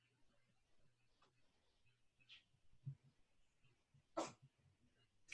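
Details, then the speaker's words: Cat sneeze: a single short, sharp, ordinary sneeze from a pet cat, picked up by the microphone in a quiet room with faint background noise. "as we both go quiet and sit both go quiet and my cat sneezes I just heard that noise actually"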